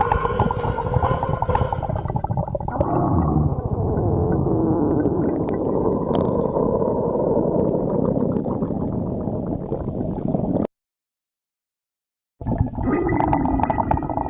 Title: stomach growling